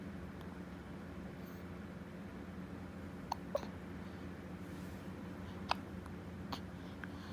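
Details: Hiccups in a one-month-old newborn baby boy: soft, brief hiccup sounds every second or two over quiet room noise.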